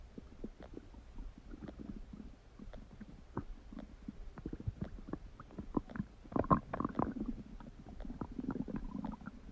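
Soft, continuous bubbling and crackly gurgles with a few louder rumbles: ordinary stomach rumbling.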